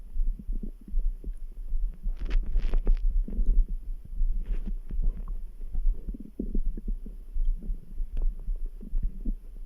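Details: Bowel sounds (borborygmi).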